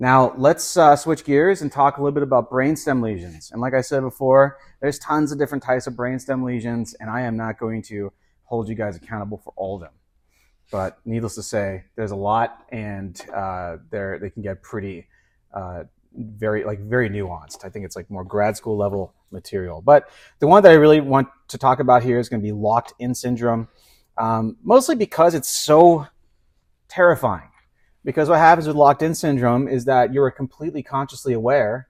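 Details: Adult male lecturer; normal speech.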